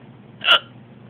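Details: Intoxicated adult with a bout of hiccups: a single sharp, abrupt hiccup with a brief throaty catch over quiet room noise: hiccup.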